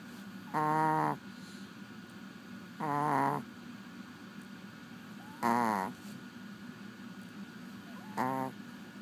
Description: My little Chihuahua snoring like a big old person